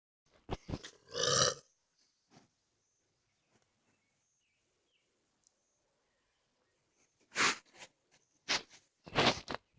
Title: Bolt burping